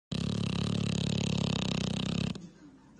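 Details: Dog asleep, one long, loud, fluttering snore lasting about two seconds, then quiet; snoring.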